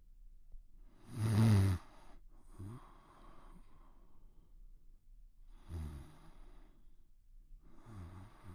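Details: Cartoon (simulated) snoring of the Pink Panther: a loud rasping inhaled snore followed by softer snoring breaths and quiet pauses. Snoring.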